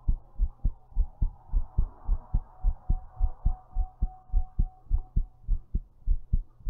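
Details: Strong, regular low thumps at about 105 a minute; a forceful, thumpy heartbeat recorded while lying down.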